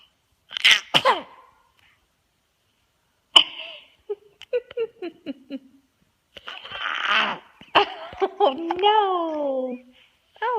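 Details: Baby sneezing: a sharp, explosive sneeze, then talking and laughter from her mother in a small room.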